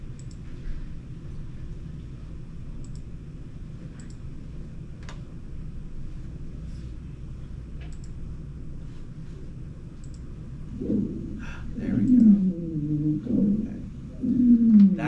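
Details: Quiet hiss and faint clicks, then single-pitched, musical, whale-like tones in the last few seconds, from a lung sound recording played in a nursing class review: a monophonic wheeze.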